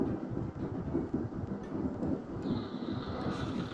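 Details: Simple snoring recorded during an overnight polysomnography sleep study of a sleep physician.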